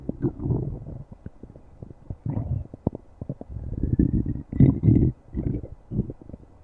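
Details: Stomach growling: low gurgling rumbles and squelching bursts from the gut, normal bowel sounds (borborygmi).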